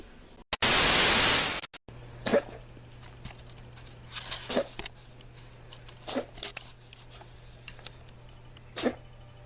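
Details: A cat gives a series of short, harsh, dry hacking coughs, with a burst of static at the start.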